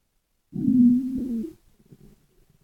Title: 12 Minutes of stomach growls